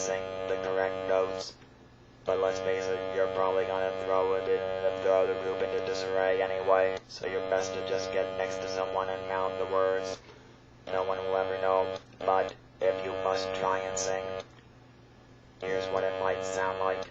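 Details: Electrolarynx speech from a real electrolarynx user, shown during attempted singing with the device.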